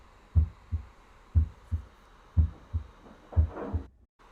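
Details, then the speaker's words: Normal heart sounds on a simulator at about 60 a minute, with crisp paired first and second sounds, heard at the mitral, aortic, pulmonary and tricuspid auscultation points. "Ну что поехали и для начала мы с вами послушаем норму сначала в точке аускультация митрального клапана теперь в точке аускультации аортального клапана клапан легочной артерии и в точке выслушивания трикуспидального клапана"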